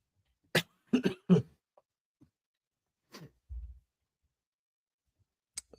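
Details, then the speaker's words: Adult coughing all day after inhaling grass dust while mowing: quick run of three sharp, dry coughs, then a softer single cough after a pause; cough. "I just can't shake this cough. Like I breathed in a whole bunch of uh grass dust."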